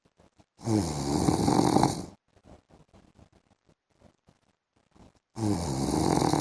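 Loud rattling snores on breathing in, separated by a quiet stretch with soft clicking breath noises; ordinary snoring during sleep.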